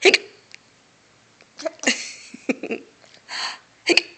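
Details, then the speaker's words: Several short, sharp hiccups at irregular intervals from a young girl in a quiet small room; hiccups. "hiccups are funny aren't they"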